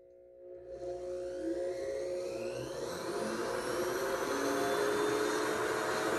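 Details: Surgical handpiece (266AMC) drilling during a simulated full bony extraction of tooth #17, a horizontally embedded typodont molar in gypsum bone with crown sectioning: a rising high-pitched motor whine with gritty cutting noise.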